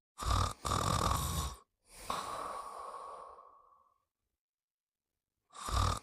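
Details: Snoring while sleeping: harsh, noisy snoring breaths with a raspy whistling edge, separated by brief silences.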